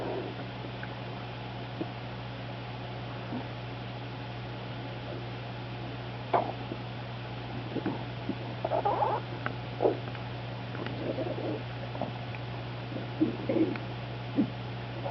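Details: Dog's belly gurgling and squelching over a steady low hum, with a chair squeak; hyperactive bowel sounds (borborygmi) in a dog with SIBO and/or EPI, owner unsure which causes them.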